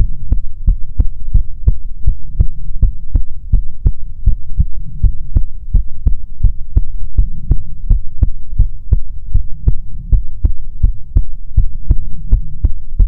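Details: ASMR recording of soothing heartbeats: steady, even low thumps with a constant hum behind them, regular with no extra sounds; normal heartbeat.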